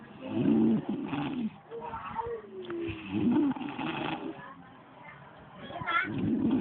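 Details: A brother's loud, rough snores recurring about every three seconds, roughly 20 breaths a minute, with whistly sounds between them.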